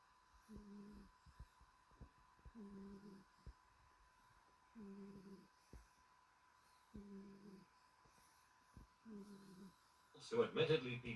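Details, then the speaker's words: Dog snoring a lot while resting as the owner watches TV: regular low buzzing snore on each in-breath, about five breaths in ten seconds. "Harriet, she's snoring a lot."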